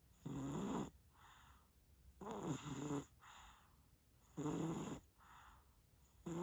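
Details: A very tired sleeping baby makes loud, rattling, voiced snores on each in-breath with softer airy out-breaths, about 28 breaths a minute: snoring.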